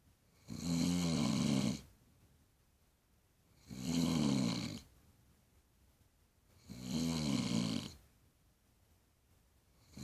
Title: MY MOMS LOUD SNORING